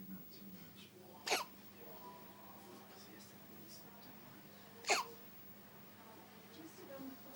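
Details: Infant's first hiccups; two brief, sharp hiccups about three and a half seconds apart over quiet room noise.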